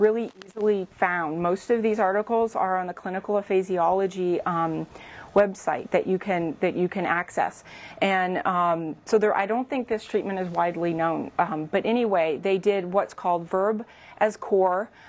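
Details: Adult woman speaking; typical speech.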